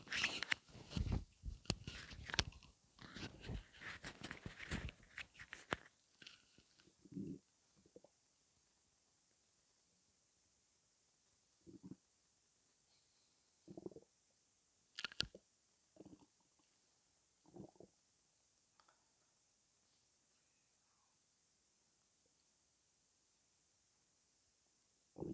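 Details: Crackly, clicking noise gives way to scattered short, low gurgles of ordinary stomach rumbling (borborygmi).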